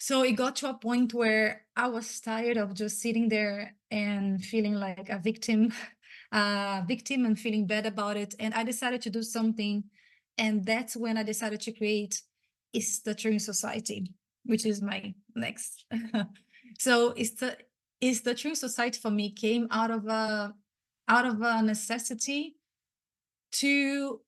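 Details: Stuttering in an adult woman who identifies as a person who stutters; she was especially impacted as a child and teenager.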